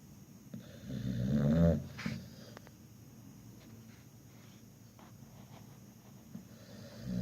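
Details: Sleeping pit bull dog snoring: one loud, deep rattling snore rises and fades, followed by quieter breathing in a small room.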